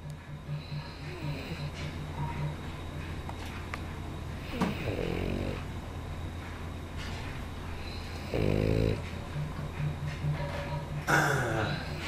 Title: Funny dog snores!